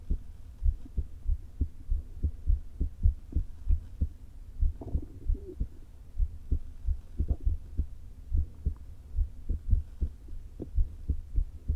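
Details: Adult woman's heart through a stethoscope placed low on the chest, before her open-heart surgery: muffled, unevenly spaced beats from atrial fibrillation with a leaking heart valve, plus a brief stomach gurgle.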